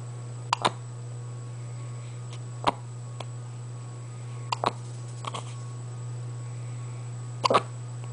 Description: eve has the hiccups and does all her other tricks at the same time!